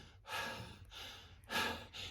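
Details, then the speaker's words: Adult demonstrating normal breathing, for comparison with asthmatic wheezing: soft, airy in-and-out breaths, silent of any whistling or musical tone. "When they breathe, this is silent. Listen to me when I'm breathing normal."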